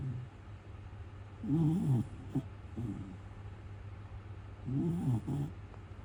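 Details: A sleeping male Miniature Schnauzer, born November 2021, snoring: two low, rattling snore bursts about three seconds apart over a steady low hum.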